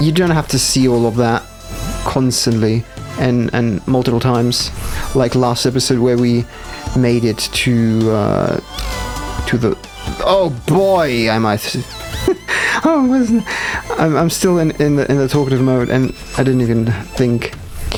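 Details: Stuttering with audible repetitions in a male gamer, who says it appears when he must focus hard, especially on demanding parts not yet in his muscle memory.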